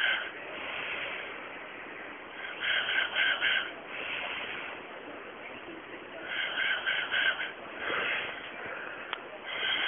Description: Me recorded by my boyfriend after a night out I was very drunk and he flicks my lip as i breathe.